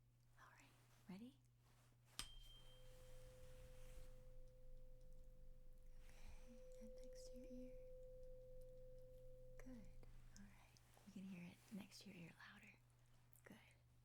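A struck tuning fork rings with a clear, steady pure tone, used to check hearing in a roleplayed exam; soft whispering and low room hum.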